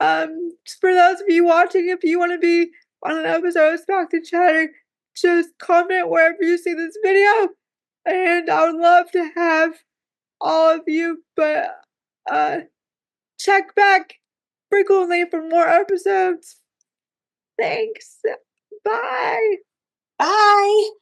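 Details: Dysarthria from cerebral palsy in a woman who says talking is hard for her; live-stream viewers keep asking if she is okay.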